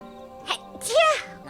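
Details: A VTuber streamer sneezes during a stream: a brief intake, then one sharp, voiced sneeze burst over soft background music.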